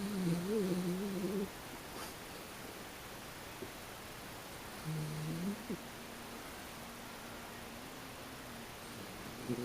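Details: Tired dog after running hard at a dog run, resting with stertor: two low, slightly tonal snoring sounds over quiet room noise.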